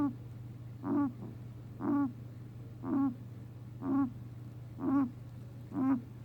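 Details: 4-year-old male guinea pig gives six short, squeaky, wheezy huffs, about one a second, over a steady low hum; noises persist after a vet visit, cause unknown: repeated respiratory noise, cough or sneeze.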